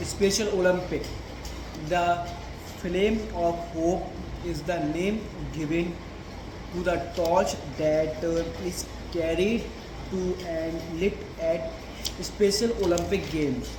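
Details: Man with a stammer reading a passage aloud as his daily stammering practice; stuttering.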